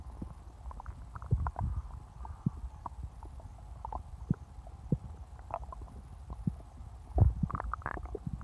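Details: Stomach growling after drinking cola: irregular low gurgles and rumbles over a quiet background, ordinary bowel sounds (borborygmi).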